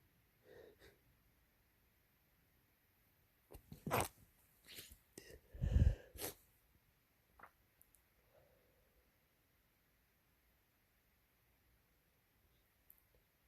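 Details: Adult male, induced sneezes from a compilation: a few loud, messy, wet sneezes, each preceded by a sharp intake, with faint sniffing in a quiet small room.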